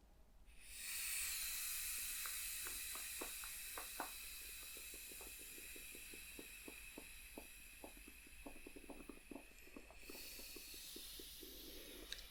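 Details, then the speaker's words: Simulated ASMR clinic exam using a manual cuff and stethoscope on the patient's right arm; steady air hiss with soft clicks as the cuff releases; blood pressure reported satisfactory. "okay so going to quickly check your blood pressure right we're using the oldfashioned rather than the electronic machine just pop your right arm in there for me"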